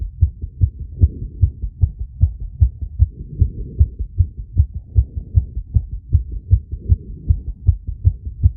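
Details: Self-recorded phonocardiogram of an adult's chest, with ECG, after rapid squats with breath-holding and exhalation, an experiment meant to induce a temporary arrhythmia; sinus tachycardia at about 150 beats a minute.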